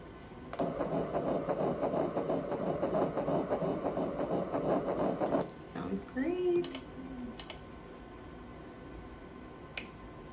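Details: Fetal heartbeat on Doppler: rapid, rhythmic whooshing pulses, followed by a brief voice.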